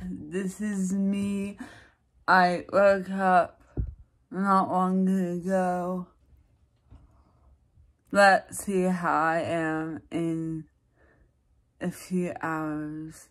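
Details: Woman with dysarthria, recorded in the morning at about 9:00 before any speech practice; her speech varies with practice, energy level and mood; dysarthria.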